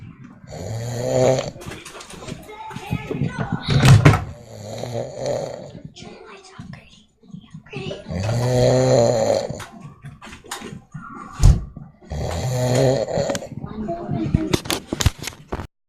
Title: My dad is snoring